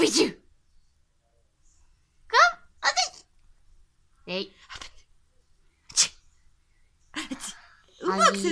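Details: Baby vocalizing and laughing between sharp sneeze-like bursts with short voiced sounds in a quiet room; sneezing.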